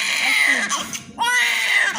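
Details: Newborn baby's first cry, weighing 3 kg 480 g: loud, high-pitched, vigorous crying in bursts with a brief breath between, described as a good cry of a healthy, active baby.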